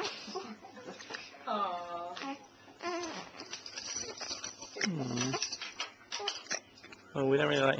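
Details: 16-day-old baby girl giving several short, high-pitched fussing cries with pauses and room noise between them, after a bout of hiccups; infant cry.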